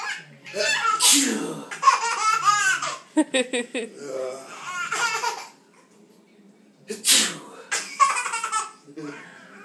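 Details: Two loud, explosive sneezes from an adult father, each followed by belly laughter and giggles from his baby daughter; ordinary sneezes.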